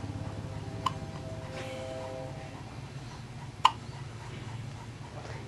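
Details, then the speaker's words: Hiccups in a baby, recorded just before her first doctor's visit. "once again has the hiccups"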